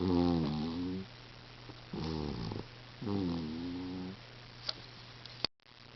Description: my cat is snoring